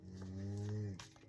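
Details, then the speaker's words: Adult husband snoring loudly in the background while asleep: one loud, low, droning snore lasting about a second, then a quiet room. "himself as you can hear him snoring. My apologies. He snores loud."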